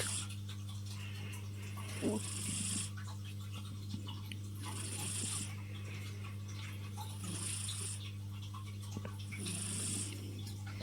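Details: Tuxedo cat asleep on owner's arm: soft, airy, rhythmic sleep breaths, about 25 a minute, over a steady low electrical hum; quiet cat snoring.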